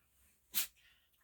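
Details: A dog, playing happily in the morning, gives one short, hissing blast of air through the nose in a quiet room; a single sneeze.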